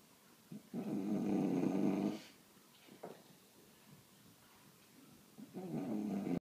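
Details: Two long, rough, rumbling snores on in-breaths with quiet pauses from a sleeping bulldog; snoring.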